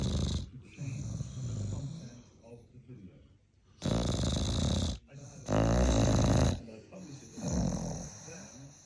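Loud, irregular snorting and rattling breaths from a sleeping puppy, with a few separate bursts of noisy airflow.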